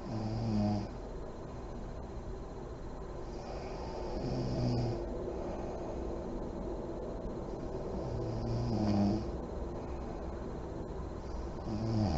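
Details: Sleeping mother in deep REM sleep, lights on: low, rumbling snores with deep breaths about every four seconds, roughly 15 a minute, over steady room noise.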